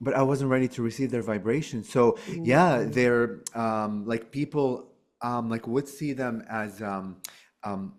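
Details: Adult male who has stuttered since childhood and still stutters: stuttering.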